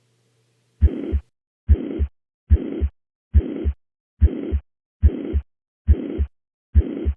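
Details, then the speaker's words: Uniform holosystolic murmur of mitral regurgitation: regular heartbeat near 70 a minute with a steady blowing murmur filling systole between the two heart sounds. "i hope you'll agree that it is occurring during systole next listen for the murmur shape is it uniform crescendo decrescendo or decrescendo this is a uniform murmur also known as holosystolic"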